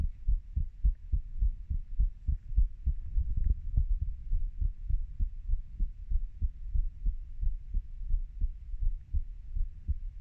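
Soft, low, rhythmic thumps of an adult heartbeat, fairly steady, with some low background hum.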